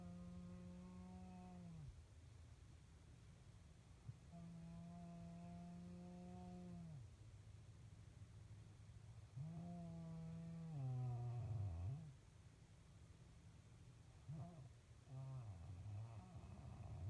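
Loud, buzzing, tonal snores on each breath, about 2 to 3 seconds long with pauses between them, over steady room hum. Snoring.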